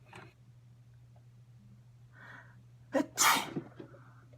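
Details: An acted sneeze in a comedy skit: a quick indrawn breath, then a loud, explosive sneeze with a short tail of breath.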